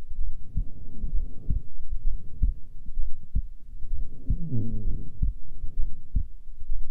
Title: Female heartbeat during resting